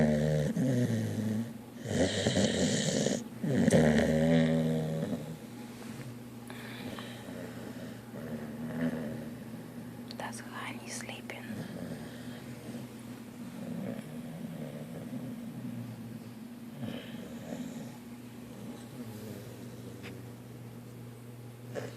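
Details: Dog snoring while asleep after playing in the water: loud snorting snores at first, then steady, softer rumbling breaths.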